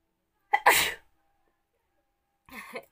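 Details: Single sneeze provoked with a matchstick in a sneezing challenge: sharp indrawn breath, one loud explosive sneeze, then a softer trailing exhalation.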